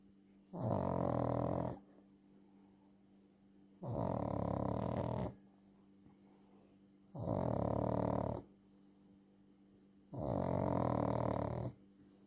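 Loud, regular rumbling snores on each breath in, about four in twelve seconds, roughly 20 breaths a minute, with quiet pauses between.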